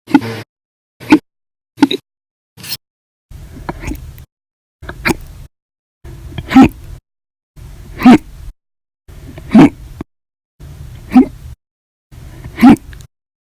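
Repeated short, abrupt voiced hiccups, about twelve over thirteen seconds, each a sharp catch of breath with a small vocal click.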